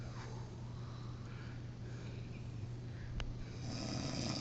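Steady low rumbling breath noise with a rough, vibrating quality under room noise; snoring.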